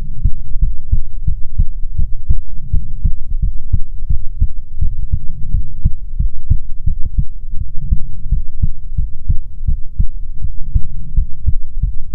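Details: ASMR heartbeat recording: low, steady heartbeat thumps heard over a loud background rumble.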